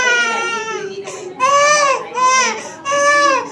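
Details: Baby crying after vaccine shots: repeated loud cries in bursts with short gasping breaths between, ordinary distress crying.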